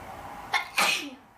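A short inward catch followed by a single sharp, hissing sneeze against low room noise.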